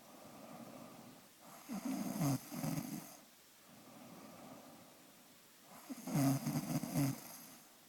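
Loud rattling snores on breathing in, about two in eight seconds, with quieter breathing between; ordinary snoring.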